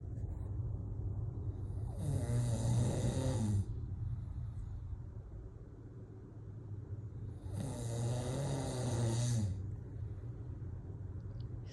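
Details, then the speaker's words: A husband snoring at night, described as snoring all night long: two long, rough, low, rattling inspiratory snores at about ten breaths a minute, with steady room hum between them. "मेरे ख्याल से मेरे अलावा भी बहुत सी ladies होंगी जो अपने हस्बैंड की इस आदत से बहुत परेशान होंगी। जब तक हमें नींद आती है तब तक सुबह हो जाती है और इनके खराटे बंद नहीं होते।"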